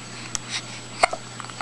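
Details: Baby aged three weeks, 2 days: two abrupt, short catches about two-thirds of a second apart in a quiet room; hiccups.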